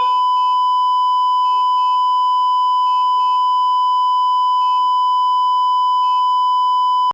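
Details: Intensive care unit ambience: steady high electronic tone with repeated short beep clusters from a bedside patient monitor, faint room murmur behind.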